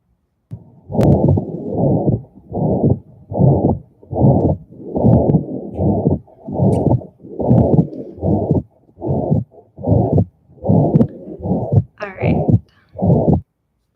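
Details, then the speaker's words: Teaching video playing a heart murmur characteristic of a condition diagnosed on newborn assessment: regular muffled heartbeats with a long whooshing murmur filling each beat, about 75 a minute. "And so I'm gonna show you a little video here that helps you see where in the heartbeat the murmur occurs, and this will let you kinda hear what it sounds like and see where it falls in."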